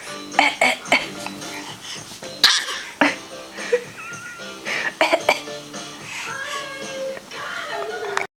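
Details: A young child gives a series of short, deliberate fake coughs over background music, learned from her father.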